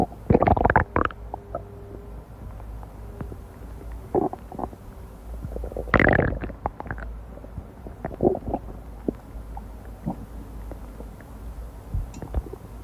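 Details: Amplified human stomach rumbling: gurgles and rumbles in bursts separated by quieter stretches, ordinary bowel sounds (borborygmi).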